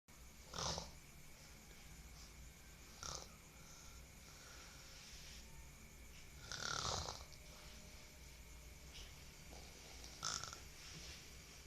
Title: Suara ngorok